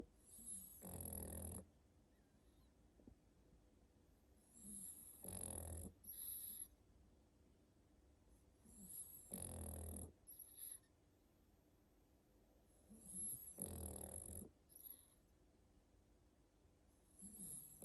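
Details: A sleeping pug in a winter sweater snores with loud rattling inhalations about every four seconds, followed by softer hissing exhalations.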